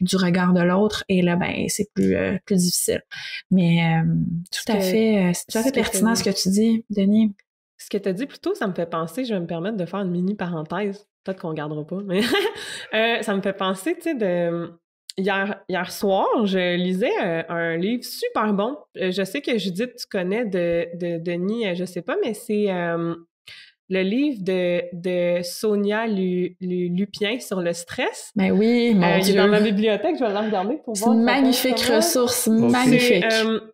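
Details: 64-year-old recently retired man who stutters; changed his approach to stuttering after retirement over a year ago, with avoidance reduction therapy (TREB) and ACT discussed; stuttering.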